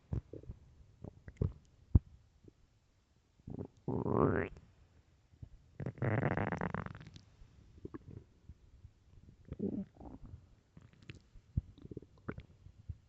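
Gurgling, rumbling stomach growls in irregular bursts with quiet gaps between; ordinary bowel sounds from an empty stomach.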